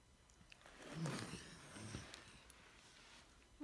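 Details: A pet gives a quiet, harsh, throaty cough and then a second, softer one in a quiet room, while the owner asks if it is okay.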